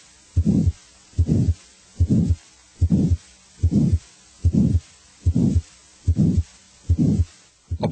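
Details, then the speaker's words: Crescendo-decrescendo ejection murmur as in aortic stenosis: regular heart sounds about 73 a minute, each with a harsh systolic murmur that first rises in intensity and then fades. "a crescendo de Crescendo murmur as heard with aortic stenosis first rises in intensity then [Music]"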